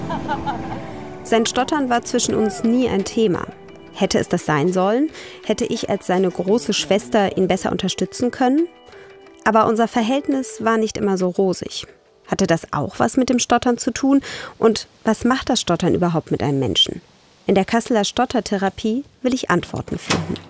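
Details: Adult woman narrating; normal speech.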